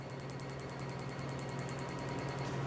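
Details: Rapid, regular snapping pulses, about ten a second, over a low device hum: a picosecond laser firing during a clinical tattoo-removal treatment on a woman, with the whole session taking about ten minutes.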